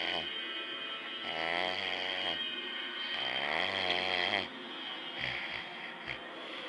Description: more of dad snoring